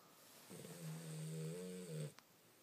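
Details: 11-week-old Cane Corso puppy snoring very loudly: one loud, drawn-out snoring breath with a steady low rumbling tone, ending in a short catch.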